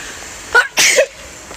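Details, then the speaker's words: Woman sneezing: one quick sneeze with a short inhaled catch and a sharp burst over background hiss; she says her nose was running and she had sneezed many times. "哎呀，我打了几个喷嚏，我打了好多个喷嚏，真的跟喷嚏直播一样。"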